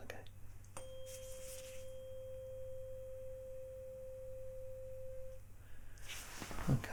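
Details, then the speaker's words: Struck tuning fork rings as a steady pure hum for about five seconds, then fades; Weber test with fork on the centre of the forehead in a simulated ASMR roleplay cranial nerve exam, sound reported roughly equal on both sides. "well done now get it sound the same roughly on one side to the other I'll do that again just to make sure okay so let me know if it sounds more or less the sound at the same on each side okay"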